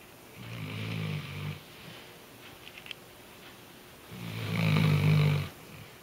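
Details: Weimaraner dog sleeping snug, snoring loudly like a human; snoring.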